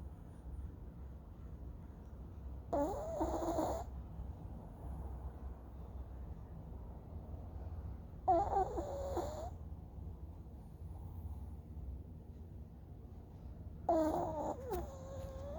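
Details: Three rough, vibrating snores at irregular gaps, about 11 a minute, over low steady room hum during sleep; snoring.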